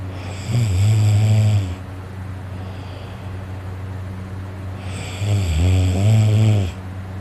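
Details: Snoring loudly while very tired and asleep, later with a sore throat from snoring: two loud, deep, rattling snores on breathing in, with heavy breathing between.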